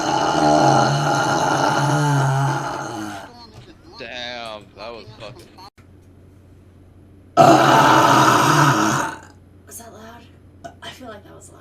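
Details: In a burping compilation from a gaming stream, a streamer gives two long, loud, rumbling burps with quiet vocal sounds between them.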